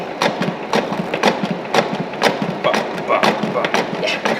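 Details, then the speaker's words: Paramedic demonstrating CPR on a training manikin, heel of hand mid-chest between the nipple line: rhythmic compressions at roughly 110 to 120 a minute, clicks confirming adequate depth, aiming for at least two inches and 100 a minute. "find your spot again big flat part of your hand break the dead center of their chest between the nipple line I'm trying to line up my little finger with it then you want to get nice over the top of them and just start compressing"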